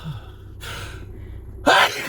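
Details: During a sneeze attack: two sharp inward gasping breaths, the second louder, the build-up before a sneeze.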